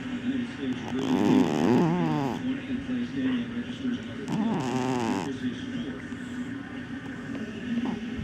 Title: Yogi Snoring